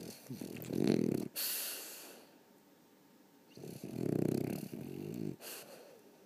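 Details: Dog snoring: two loud, rough, fluttering snores on the in-breath, each followed by a softer snorting breath out.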